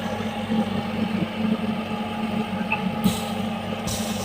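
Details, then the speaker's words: Home oxygen concentrator, 5 LPM model with one-button control, just switched on: steady low machine hum with compressor drone and brief hissing bursts; concentrator running normally. "Machine on ആക്കുന്നതിന് വേണ്ടി നമ്മൾ on button press ചെയ്ത് കൊടുക്കും. On button press ചെയ്യുമ്പോൾ തന്നെ machine on ആയി വരും."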